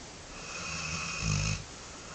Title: our snoring dog lol (RIP 11-14-2014)